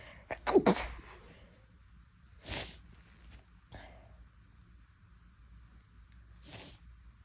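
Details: Loud sneeze followed by several softer, deliberately induced sneezes with quiet breathing between; nose felt unusually sensitive that day.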